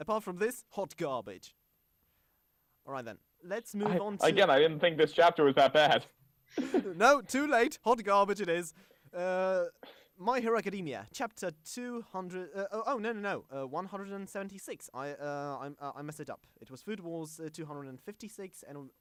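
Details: Self-described stammering male podcast host whose show combines a podcast with speech therapy; stuttering.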